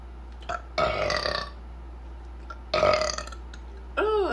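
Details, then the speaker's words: Adult woman burping while finishing a cup of pop after a meal: two loud, drawn-out burps and the start of a third over a low room hum; ordinary belching after a fizzy drink. "I'm going to finish this cup of pop, though. So let off a couple more burps."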